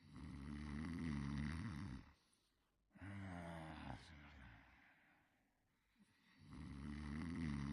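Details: Simulated cartoon snoring from the character Clifford sleeping: loud, rough snoring breaths in a slow rhythm, each followed by a quiet pause.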